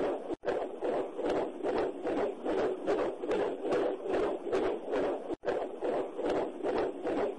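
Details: Fetal heartbeat: rapid, regular whooshing pulses at about 150 beats per minute with a galloping rhythm, within the normal fetal range.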